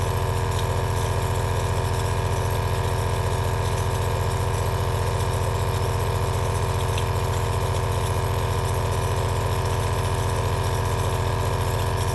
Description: 2H of relaxing ASMR Aerosol nebulizer sound V2